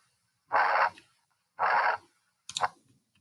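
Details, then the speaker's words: Teaching recording from a cardiology lab: two long blowing whooshes about a second apart then a click, mitral valve not closing properly letting blood flow backwards: mitral regurgitation murmur. "there's a mitral valve that we learned about that might not close properly and if it doesn't close properly then then stuff can sneak back in where it's not supposed to be and kind of go backwards"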